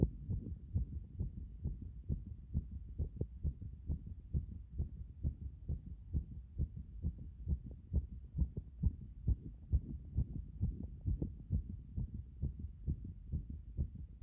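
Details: Strong, regular, fast and forceful heartbeat at about 130 beats per minute, heard after getting out of a bath.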